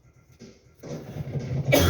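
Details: Adult gives a single rough cough, cut off at the end, while talking in a quiet room.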